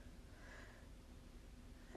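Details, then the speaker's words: Lower extremity venous Doppler ultrasound demonstration, proximal femoral vein with augmentation maneuver: soft low windy Doppler hiss swelling briefly into a whoosh, normal venous flow augmentation, flow filling all the way around. "so now i'm going to take a signal in the femoral vein proximal i'm going to do my augment"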